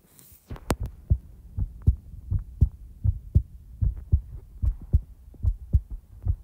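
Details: Real-time heartbeat recording: steady paired thumps of a resting heartbeat at about 78 beats a minute without added sounds; a normal heartbeat.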